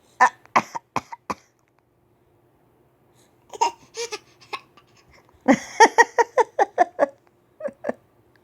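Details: Child faking a cough: bursts of short, quick, deliberate voluntary cough sounds, not an illness cough.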